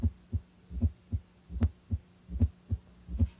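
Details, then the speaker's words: S4 gallop on cardiovascular auscultation in a head-to-toe physical assessment: regular low heartbeat near 75 a minute with a soft extra thud just before each first sound, from forceful atrial ejection into less compliant ventricles. "results from vibrations caused by forceful ejection of blood from the Atria into ventricles that expand less"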